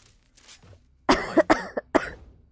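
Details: Girl with a very bad cold, voice gone and sore throat, coughing while gaming on a live stream: a quick run of three to four harsh coughs.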